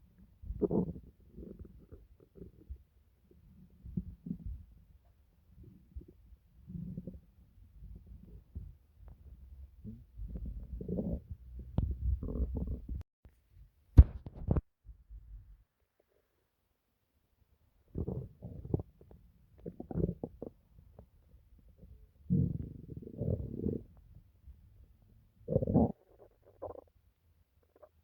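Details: Irregular low gurgles and rumbling bursts from an adult stomach, separated by quiet gaps, some very quiet: ordinary bowel sounds (borborygmi).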